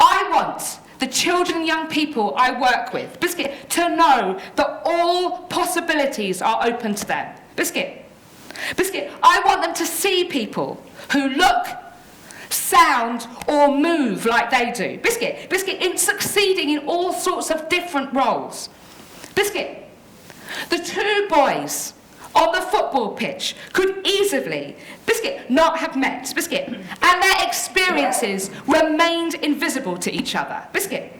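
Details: Adult woman living with Tourette syndrome, with frequent vocal tics of words interrupting her speech; Tourette syndrome vocal tics.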